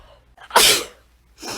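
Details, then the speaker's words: Repeated sneezing from hay fever allergies: a single loud, explosive sneeze with a short in-breath before it, then the start of another burst. "Oh my god. So many sneezes. It's constant."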